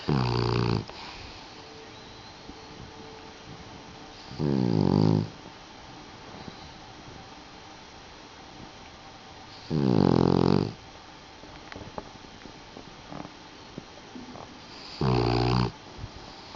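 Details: Sleeping Puggle dog snoring: loud snoring bursts about every five seconds, roughly 12 breaths a minute, with quiet room noise between them.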